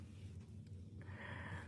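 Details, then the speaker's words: Dogs snoring in deep, relaxed sleep at 8:18, one on a couch: a low, rumbling snore in a small indoor room. "It's 8:18 here and my dogs are still snoring. Like, I don't know if you guys can hear them in the background."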